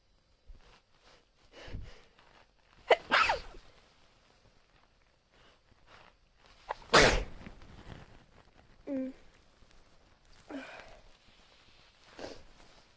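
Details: Two loud, forceful sneezes with breathy exhales and small vocal sounds between in a quiet room; self-induced sneezing recorded on a phone; sneezing.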